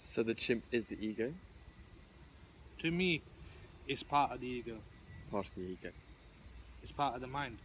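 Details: Adult who stutters, taking part in a stuttering support group discussion; stuttering.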